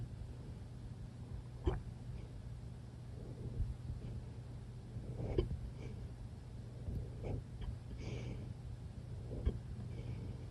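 Several soft, sharp hic sounds a few seconds apart over a steady low hum; hiccups.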